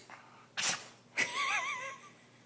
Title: On demand sneeze